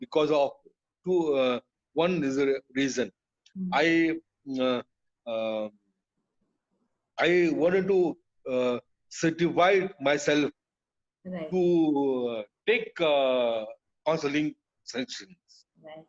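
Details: Adult man with aphasia after a brain haemorrhage (burst) stroke hitting his speech centre; told he would never speak again; relearned speech through years of speech therapy; still hesitates and cannot always finish sentences; aphasia after stroke.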